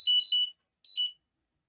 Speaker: That's my glucose monitor. Oh, okay. I thought everybody was fire alarm or something. I can't even mute it. It's telling me I need to eat something.